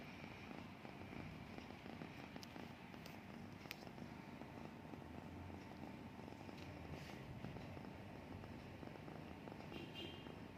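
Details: Sleeping cat snoring: soft, steady low rumbling breath noise with faint room noise.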